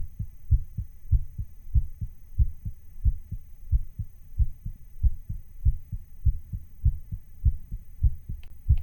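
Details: Real recording of the uploader's own heart sound, sped up slightly to sound racing: a steady, fast, low thumping heartbeat at about 100 beats per minute, a rapid heartbeat.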